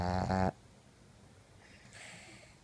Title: Classic Pug Snore